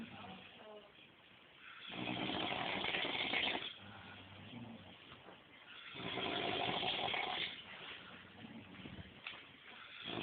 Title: my uncle snoring